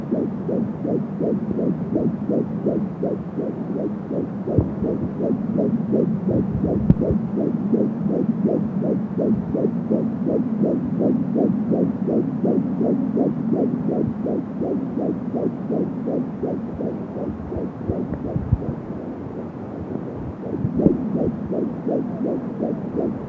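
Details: Fetal heartbeat at 13 weeks of pregnancy heard with an Angel Sound home fetal Doppler: fast, regular whooshing pulses at about 170 beats a minute, with whooshing umbilical cord sounds.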